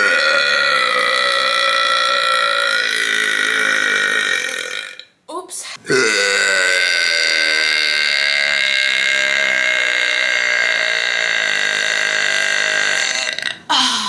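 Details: Two long, loud, drawn-out belches with a deep tonal rumble, separated by a short break; loud burping.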